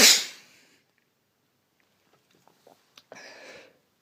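One sharp, hissing sneeze burst, then faint sniffs and a short breathy snort; a single sneeze.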